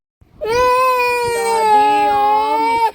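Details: Young child crying while missing their father, who is away at work: a sustained, tuneful wail that holds and wavers in pitch for about two and a half seconds.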